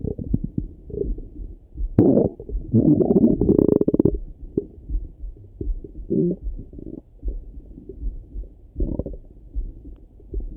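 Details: Morning stomach rumbling through a stethoscope: loud gurgling rumbles and bubbly clicks with a long churning burst; normal active bowel sounds.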